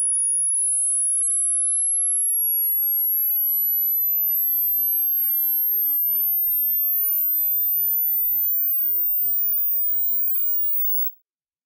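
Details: Tinnitus pitch-matching frequency sweep played over headphones or speakers: a steady, very high-pitched pure tone glides upward to the edge of hearing and then fades, each tone shown with a digital indicator.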